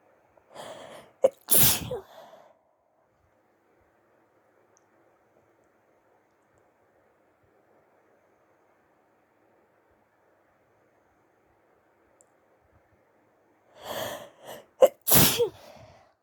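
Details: Two adult sneezes at the tail end of flu, late at night, each with a quick inhaled build-up and a sharp, partly stifled burst, separated by silence.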